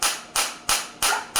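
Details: Focused shockwave therapy device for plantar fasciitis and heel pain, demonstrated on an uninjured person at 180 Hz; the machine drops to 150 Hz at intensity 10: sharp, regular cracking pulses about three a second.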